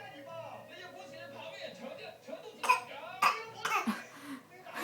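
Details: Young child makes a few voiced sounds, then three short, forced, deliberately fake coughs; voluntary cough.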